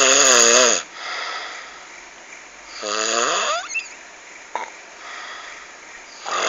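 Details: Loud, harsh, buzzing sounds over about two breathing cycles, with pitch rising on breathing in, described as a frightening snore; heavy snoring.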